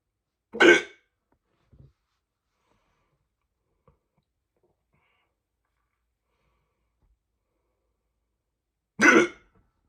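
Two loud, abrupt throaty hiccups about eight seconds apart in a quiet room, each a sudden gulping catch of breath.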